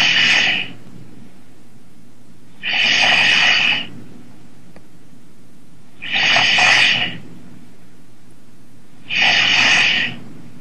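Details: A man snoring after falling asleep during a Skype call: loud, rough, rattling breaths recur steadily about every three seconds, roughly 19 a minute, with quiet gaps between.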